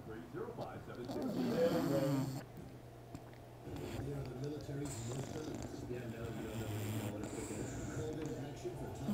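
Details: Bulldog puppy sound asleep after a day at the dog park: loud, rough, rattling snores and snorts with fluttery nose and throat noise; heavy snoring.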